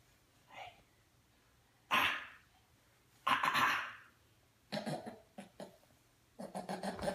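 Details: Blake, a dog, coughing: several harsh, noisy bursts, some short and clipped, others longer and hacking, separated by quiet pauses.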